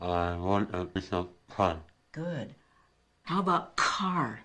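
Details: Cleft palate speech in a 41-year-old man born with complete cleft lip and palate; early repair attempts failed, leaving no hard palate; practice words and a sentence in a speech therapy session before surgical repair.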